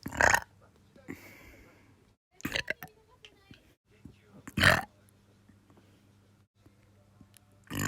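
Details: Repeated burping in a person who can't stop burping: several loud, gurgling burps separated by quiet pauses, faint room noise between.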